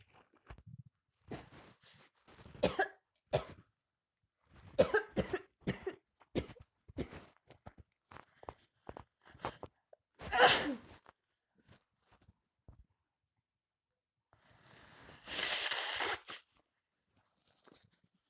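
Repeated harsh cough bursts, some in short runs, with throat clearing and a long noisy exhale; a cough during a cold.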